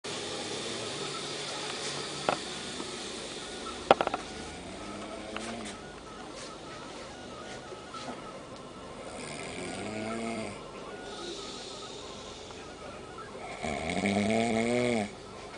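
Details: Intermittent pitched, groaning snores from a sleeping adult man in a hostel, over steady room and insect-like background noise: snoring.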